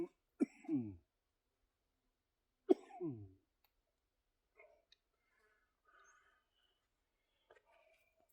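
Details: Two harsh, wet coughs several seconds apart, then quiet, from a man recently turned 50 during a back and biceps home workout, short of breath; he hopes lung function stays above 46%. Productive mucus-clearing cough in cystic fibrosis.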